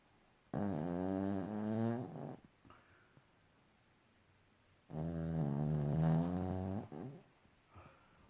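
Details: Sleeping dog snoring: two long, droning snores on breaths in, separated by quiet pauses.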